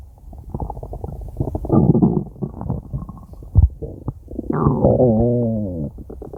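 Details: Stomach growling (borborygmi): continuous low gurgling and rumbling with a drawn-out tonal growl near the end.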